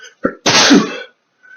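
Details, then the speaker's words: Adult male whose two chinchillas' dust baths make him sneeze, eyes tearing: a quick breath in, then one loud explosive sneeze; allergic sneezing fit. "so i have two chinchillas and um i love them to death but chinchillas uh they uh they take dust baths and so and so"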